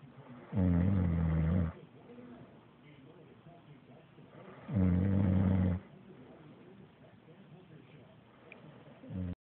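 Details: Two loud, low, rattling snores about four seconds apart with quiet breathing between; ordinary snoring.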